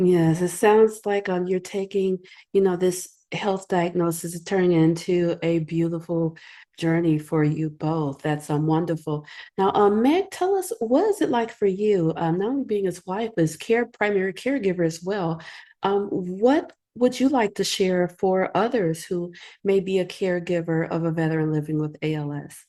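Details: Adult woman speaking; normal speech.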